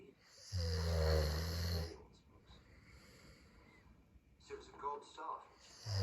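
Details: Snoring through a television showing The Crown: one deep, rumbling snore, then quiet breathing, with a second snore beginning at the end.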